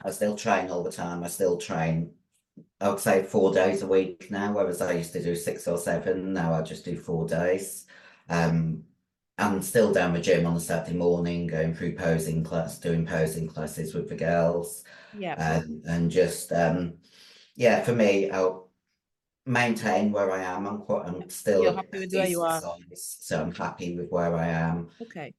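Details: 56-year-old female bodybuilder with voice deepening after large-dose anabolic/male steroid use; she reports the voice changed from high-pitched to very deep and she can no longer sing; virilized voice.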